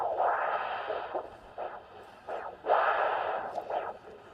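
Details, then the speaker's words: Handheld Doppler over the popliteal area with the patient standing, during evaluation for sclerotherapy: soft windy whooshing venous flow swells with no backflow noise, almost certainly the popliteal vein, patent and competent. "90 that sound and is almost certainly the popliteal vein"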